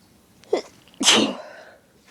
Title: Just wanted to sneeze